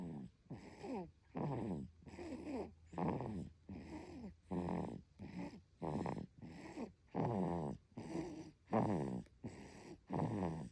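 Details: Twin baby sleeping soundly, snoring with rhythmic snorting noisy breaths about 40 a minute; ordinary baby snoring.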